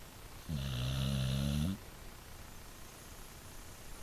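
One loud, low, buzzing snore lasting just over a second, followed by quiet room noise; snoring.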